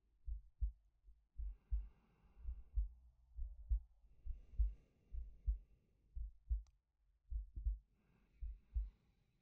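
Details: Male heartbeat-and-breathing sleep-aid recording: soft paired heartbeats at about 68 a minute with quiet breathing heard over them; normal heart and breath sounds.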